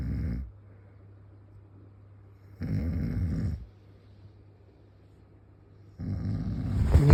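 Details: Snoring: three rough, low-pitched snores about three seconds apart, roughly 20 a minute, with a steady low hum between them; the sleeper insists he was not asleep.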